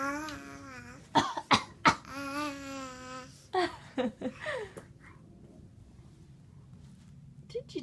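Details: A young child makes voluntary fake coughs: short, forced coughs in two quick groups between playful voiced sounds. He is teased as a "faker". This is a pretend cough.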